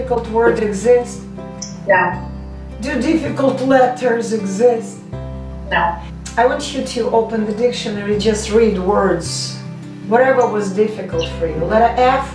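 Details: Adult; normal speech.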